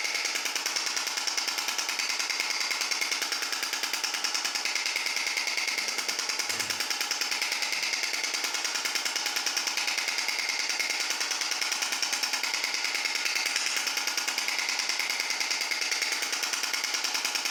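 Steady, rapid mechanical tapping about 146 times a minute, monotonous and regular: a shock wave therapy device running.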